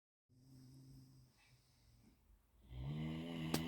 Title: Great Dane Mr Bjorn snoring 😴